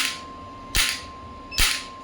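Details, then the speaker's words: Sharp snapping shots about once a second over a steady tone from an electromagnetic shockwave therapy device at 1 Hz, minimum 5 mJ energy, intensity rising, applied to the operator's small joint; shockwave therapy applicator firing. "अब मैं इसको start करता हूं। आप देख सकते हैं ये वन हर्ट्ज फ्रीक्वेंसी है और मिनिमम एनर्जी है 5 मिली।"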